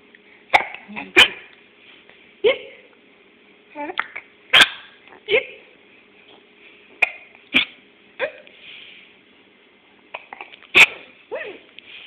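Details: Hiccups in a 15-week-old infant boy: repeated sharp, brief voiced hiccup bursts at irregular intervals over a quiet background with a steady hum.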